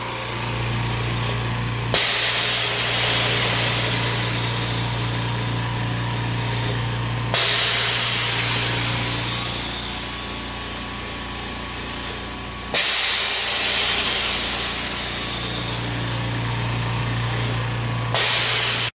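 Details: Homemade DIY oxygen concentrator running: steady motor hum with a loud hiss of air released about every five seconds as it pressurizes and empties; oxygen concentrator running.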